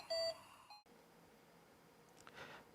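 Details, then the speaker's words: Ventilator alarm in intensive care, triggered in a demonstration of an agitated patient (RASS +2) moving restlessly and knocking equipment: a single short electronic alarm tone followed by quiet room noise. "다음에 상태에서는 환자가 비의식적인 행동을 하게 되고 인구 얻기도 자꾸 부딪히게 되면서 알람 소리가 울리게 됩니다"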